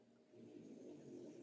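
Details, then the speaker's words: A quiet, low rumbling snore from Hugo, a sleeping French bulldog, heard as a single drawn-out breath: snoring. "oh there's hugo snoring again i don't know if you can hear that"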